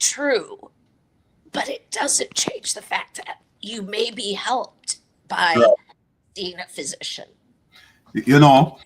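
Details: Adult woman with a chronic voice disorder treated with Botox injections to the vocal cords every three months; dysphonia.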